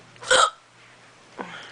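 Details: A sharp, abrupt hiccup, then a fainter catch about a second later in a quiet room, from a person who says hiccups give them a stomach ache; typical hiccups.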